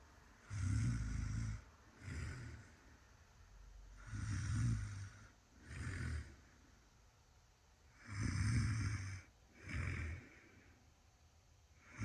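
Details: Loud, rattling snores on each in-breath and shorter rumbles on each out-breath, about 15 breaths a minute; heavy snoring from a sleeping person caught on camera who denies snoring.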